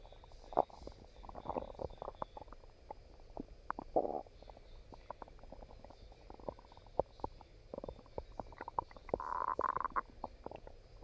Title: Stomach Growling